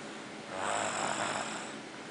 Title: The Boy Snores